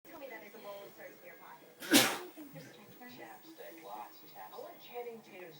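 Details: A single loud, explosive sneeze over background talk, from a person said to have the hiccups; sneeze.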